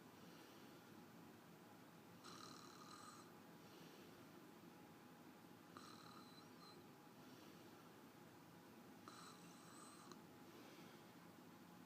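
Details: Wife snoring while asleep: soft snores recurring about every three and a half seconds under steady room hiss, each a brief rough breath sound.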